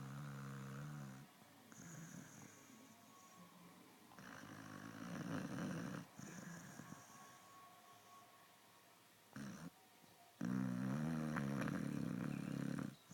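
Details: Snoring in a sleeping pet worn out after a birthday party: rattling, rumbling snores in long breaths over faint background noise.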